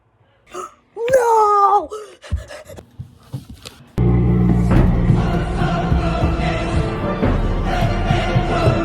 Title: The dad sneeze#funny